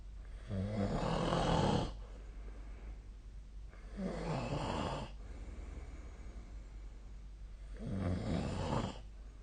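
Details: Sleeping adult, 13 February 2025: loud, rough snoring, three long rattling breaths in about nine seconds, roughly 19 a minute.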